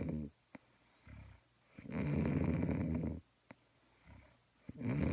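Loud, rough fluttering on the in-breath alternating with quieter out-breaths, about two breath cycles in five seconds; snoring.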